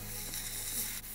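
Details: Brief steady gas hiss of a FREEZEPEN cryotherapy pen spraying nitrous oxide to freeze off a large wart, surrounding skin protected with cling film, sprayed until the patient feels a sting; faint background music.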